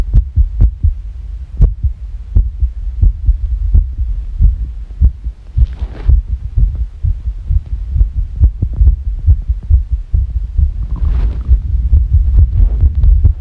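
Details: Rapid heartbeat around 130 a minute with uneven spacing between beats, described as sick; fast irregular heartbeat.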